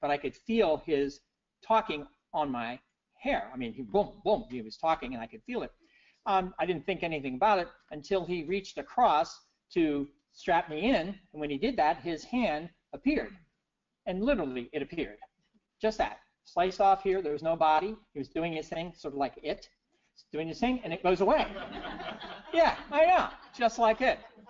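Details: Adult man with persisting aphasia after a stroke in 2011, recorded years later (2017) during recovery; he notes he has just said wrong numbers; aphasia.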